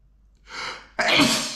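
A quick indrawn breath followed by one sharp, explosive sneeze.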